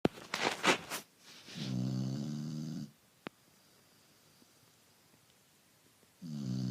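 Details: Dog named in title snoring while asleep: long buzzing snores separated by quiet pauses, with snuffling at the start.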